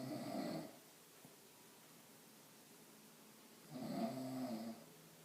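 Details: Adult woman in deep sleep in a living room, snoring: two loud, rough snores on breathing in, with a quiet pause of about three seconds between them.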